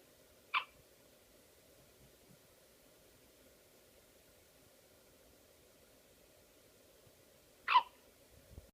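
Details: One-week-old baby with hiccups: two brief, sharp hiccup sounds about seven seconds apart against a low steady hum.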